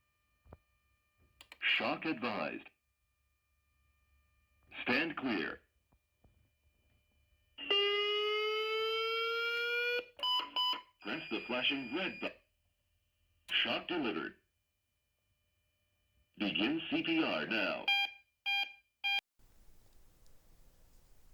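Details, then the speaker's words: AED during calibration testing with a simulated ventricular fibrillation rhythm: voice prompts, a rising charging tone, then beeps as the device advises a 150 J defibrillation shock. "в другому випадку ми задаємо серцевий ритм що відповідає фібриляції шлуночків серця в цьому випадку апарат рекомендує дефібриляцію з енергією 150 дж"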